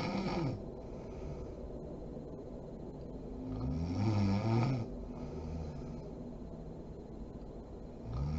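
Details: Mother (adult woman) asleep: low, rough snoring rising and falling with breathing, about 14 breaths a minute, against steady room noise; sleep snoring.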